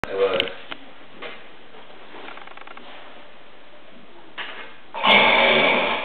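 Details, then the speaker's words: Snoring of the speaker's spouse, heard most nights: rough, rattling snore bursts through a quiet, hissy room, with a loud drawn-in snore near the end. "was my name is and this is the sound I fall asleep to most nights because I'm married to somebody who snor"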